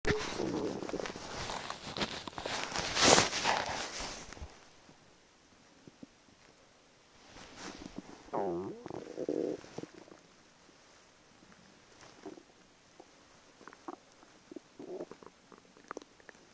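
Gurgling, bubbling rumbles from the belly, with a long loud gurgle and scattered small squelches; ordinary gut sounds.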